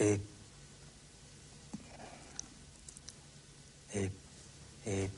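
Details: Man with severe stammering, recorded in 1977 during an object-naming task, before he used an electronic aid that plays a generated note into the ear: stuttering.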